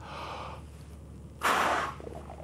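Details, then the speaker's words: Adult doctor demonstrating peak flow meter use for asthma monitoring, repeat attempt after re-zeroing (earlier 640, later 650–670 L/min): breath in, then short sharp forceful blast; maximal forced expiration into peak flow meter. "what we need to do is repeat this three times so re-zero get the patient to take a deep breath in"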